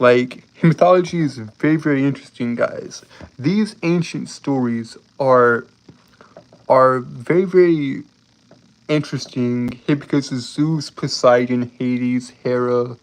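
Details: Adult male with a lifelong speech impediment he describes as a disability he has lived with all his life, heard stuttering in casual talk; stuttering.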